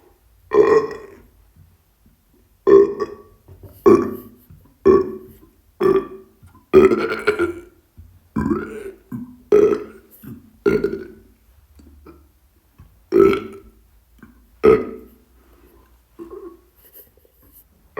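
A run of about twelve loud, deep, voiced belches in close succession; repeated burping.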